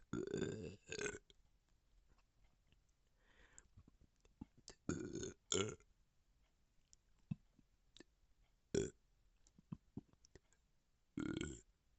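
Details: Repeated belching: several loud, low, voiced belches, about five in twelve seconds, with quiet clicks and mouth sounds between them.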